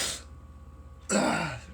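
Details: Harsh, raspy cough bursts with a steady low hum behind, in a recurring coughing bout with sweating and a running nose after a large bong hit of cannabis; irritant cough after smoke inhalation.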